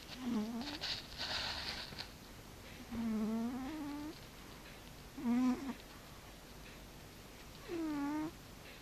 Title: Frici cica horkol :D Cat snoring by Frici :-D